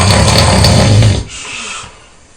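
One very loud, rough, rattling snore on breathing in, then a softer fading breath; heavy snoring.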